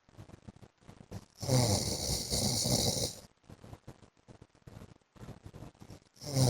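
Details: Adult man (husband) asleep: loud, rough rattling snores with harsh snorting bursts between quieter breaths; heavy snoring.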